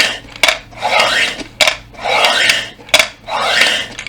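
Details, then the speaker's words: Adult man using a breathing exercise device, inhaling and then blowing forcefully and feeling his abdominal muscles work: about three rushing breaths in four seconds, with sharp clicking at each breath; breathing exercise device in use. "ben ne yapıyorum bunu üflerken karın kaslarını çalıştığını hissedebiliyorum"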